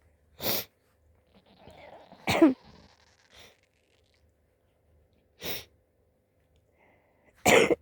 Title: Cute sick sneezes (have the flu AND am living off grid in a tent haha)